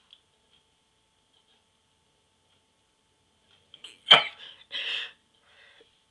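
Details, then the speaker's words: Person filming self sneezing with a sneeze inducer: a quick intake of breath, then a sharp, forceful burst and a short trailing exhale; a single sneeze. "so yeah I'm going making another sneezing video for you now and upload it tonight maybe"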